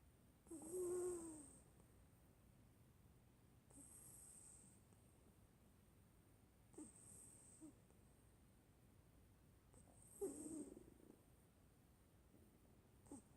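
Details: Light snoring: soft snorty breaths about every three seconds with a faint whistling edge, over a steady high-pitched room hum.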